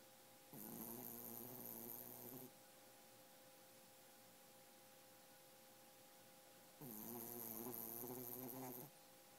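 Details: Sleeping dog snoring like a log: two long, rumbling, fluttery snores on breathing in, about six seconds apart, with a steady hum behind; snoring.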